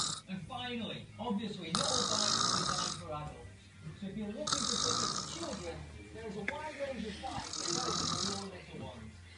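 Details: A sleeping man snores loudly in rasping bursts about every three seconds, with other noise in the room.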